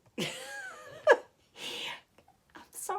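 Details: Adult woman with allergy symptoms: a voiced intake, then one sharp explosive sneeze, followed by sniffing and breath noise in a small room.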